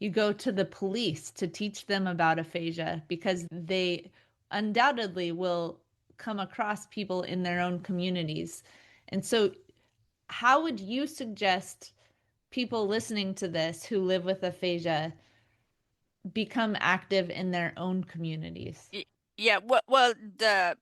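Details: Adult woman speaking; ordinary speech.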